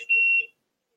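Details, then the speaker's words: Single high-pitched beep lasting about a third of a second from an infusion pump signalling the end of a Tysabri infusion for multiple sclerosis, before the saline is changed. "um that beat means that I'm done with my medication they're gonna change the Saline so we might have another visitor come in I really hope that beeping stops so I apologize if it's annoying anybody"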